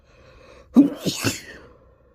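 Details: One forceful sneeze deliberately induced by pepper, which burned, with a quick intake, explosive release and trailing off. Sneeze.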